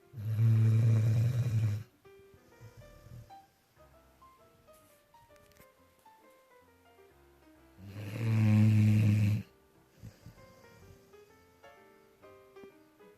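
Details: Dog snoring loudly at 1am, loud enough to wake the owner: two very loud, deep rattling snores about six seconds apart, over soft background music.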